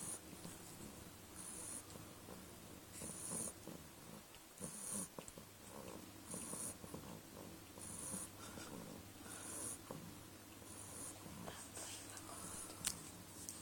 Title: Choobie The Snoring Beagle